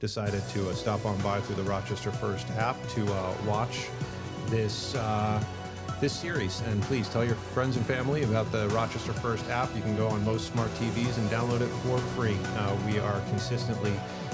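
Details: Adult male speaker; normal speech.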